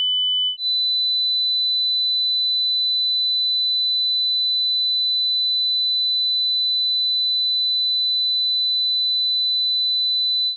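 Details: Synthetic 3000 Hz pure tone at the start of a tinnitus frequency-matching test meant for headphones at low volume: a brief steady high tone, then a slightly higher continuous tone; test tones, not recorded tinnitus.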